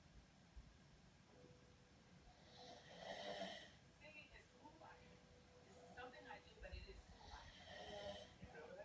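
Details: Robbie snoring: two or three rough, rattling snores on the in-breath a few seconds apart against quiet room noise; ordinary snoring.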